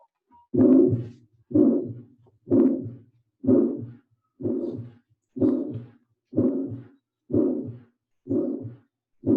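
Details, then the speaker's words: Aortic stenosis, systolic ejection diamond-shaped (crescendo-decrescendo) murmur: regular heartbeat near 62 a minute, each beat carrying a harsh rushing systolic murmur. "tá então ele é um sopro sistólico ejetivo em diamante é assim tem que anotar bem seco mesmo"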